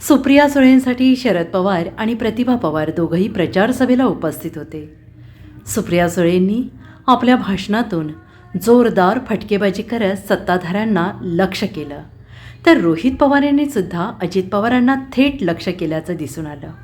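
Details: Adult female news narrator; ordinary speech.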